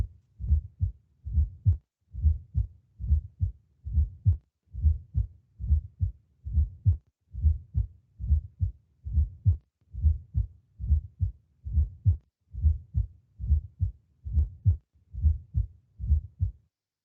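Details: Regular heartbeat near 67 a minute, each beat with a soft extra thud just before the first sound: pathological fourth heart sound (S4 gallop), explained as caused by arterial hypertension and ventricular hypertrophy, demonstrated in a nursing cardiac examination class.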